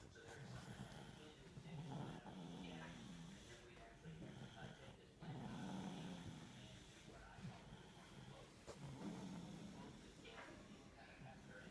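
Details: Sleeping dog, tired, snores with low, rumbling, fluttering noises on each breath, roughly 18 a minute, in a quiet room.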